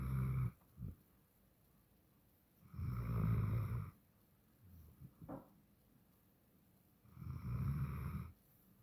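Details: Puppy snoring: slow, irregular, low rumbling snores with a hiss on each breath, about fourteen breaths a minute, plus small snuffles.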